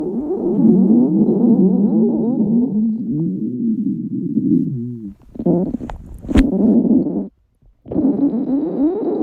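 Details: Girls' hunger stomach growling: long, loud gurgling and squeaking growls in waves broken by short pauses; ordinary borborygmi from an empty stomach.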